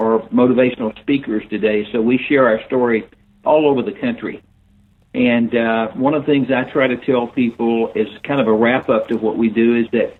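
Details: Older adult man speaking; unaffected speech.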